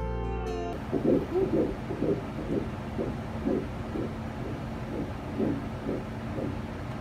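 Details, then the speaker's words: Fetal heartbeat on Doppler, heard as rapid, rhythmic whooshing pulses at about 125 per minute, described in the context of week 5 of pregnancy as the earliest time a heartbeat may be heard. "ultrasound week 5 is the earliest week that you might be able to hear your baby's heartbeat during a transvaginal ultrasound because it is still so tiny a fatal doppler device can pick up the heartbeat"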